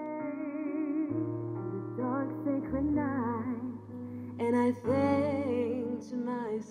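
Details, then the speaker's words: Simulated hearing loss shown to musicians, parents and teachers: piano song with female voice sounds dull and muffled, then turns bright and clear as normal hearing: hearing loss simulation. "grâce à une simulation l'intervenant a fait ressentir au musicien parents d'élèves et professeurs ce que c'est d'avoir une perte auditive"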